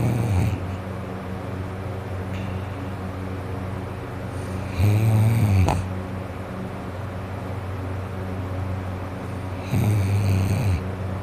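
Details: An adult with a cold and congested nose and throat, recorded while trying to sleep, snores loudly on inhalation about every five seconds: low, rattling, snorting snores with a blocked nose.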